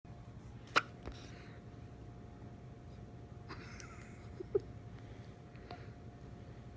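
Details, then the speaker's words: Young girl with hiccups: two sudden, sharp little gulping catches of breath several seconds apart, over a steady low room hum, as an adult comforts her. "okay. You got the hiccups? Goodness. It's okay."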